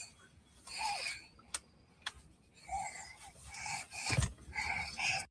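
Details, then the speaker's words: Fast, heavy breaths with a whistling, musical edge: a young boy's laboured, wheezy breathing after a recent flu shot, with an intermittent cough on and off. "hear how heavy he's breathing? That don't sound good."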